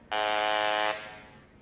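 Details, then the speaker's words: Steady electronic buzz from a Romet R310 electrolarynx (electronic larynx) voicing speech, heard from the original device and then from a redesigned prototype with added insulation to reduce unwanted noise. "This is how it sounds from the original. Hello, my name is. We are 21. This is how it sounds from our prototype."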